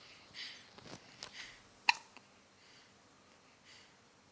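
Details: A baby on his due date with hiccups: soft breathing and small noises, then one sudden sharp catch of breath, a hiccup.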